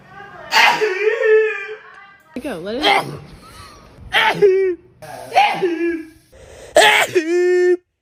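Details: Five separate sneezes in quick succession, each a sharp burst with a voiced tail; ordinary sneezing.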